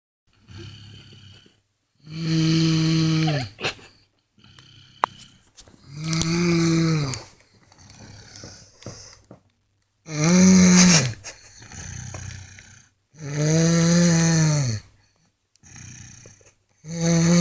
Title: girl records me snoring loud